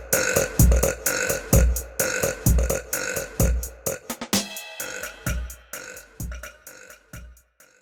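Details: Compilation of women burping: a string of loud, low, rumbling belches about once a second over background music; repeated burping.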